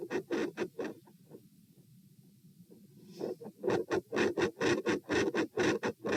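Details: Heart sounds at position P while standing: rapid, scratchy beats fade almost to silence for two seconds, then return loudly; weird extreme intensity change, PFO shunt suspected.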